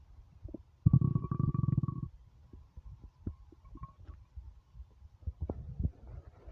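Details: Stomach rumbling (borborygmi) from a starving, empty gut: a long, gurgling, rapidly pulsing rumble followed by scattered softer gurgles and pops.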